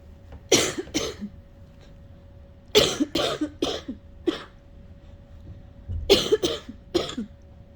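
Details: Sick person straining to cough something up without success: three bursts of harsh, forceful coughing, three to four coughs each, quiet pauses between, unproductive-sounding; coughing left them with a headache.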